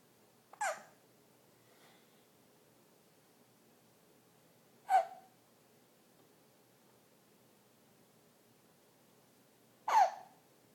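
Three sharp, abrupt gulping hiccups about five seconds apart in a quiet room, roughly 12 a minute; hiccups.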